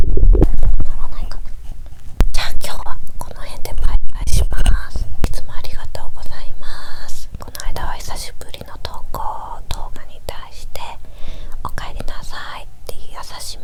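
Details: Active bowel sounds recorded three hours after a meal while lying down, after drinking much water: frequent soft gurgles, pops and watery squelches with a low rumble from ongoing digestion.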